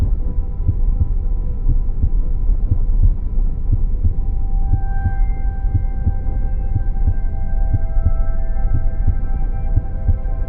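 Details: Steady low heartbeat thumps under a constant hum with soft sustained tones layered in, as in a relaxation track; heartbeat sounds.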